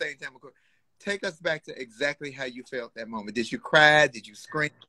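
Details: Adult speaker; Normal speech.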